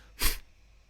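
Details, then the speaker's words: A human imitation of the African wild dog's pre-hunt rallying sneeze: a single short, sharp exhale through the nostrils. "These sneezes, this is adorable, are characterized by a short, sharp exhale through the nostrils. Like this. I'm sneezing."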